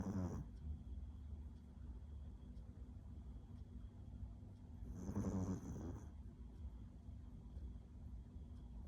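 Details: Small sleeping dog snoring loudly for its size: two soft, low, rattling snores about five seconds apart over a quiet room hum.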